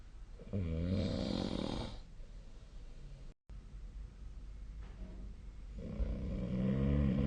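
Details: Loud, rattling snores on the in-breath with quieter breathing between them during sleep: ordinary sleep snoring, recorded with a snore-tracking app.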